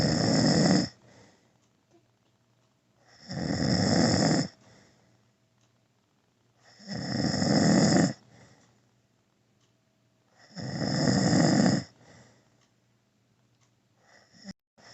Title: My dad snoring for 1 minute